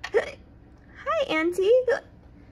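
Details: Child acting out hiccups for a kids' health lesson after eating quickly: short, abrupt voiced hiccup sounds with a sharp catch.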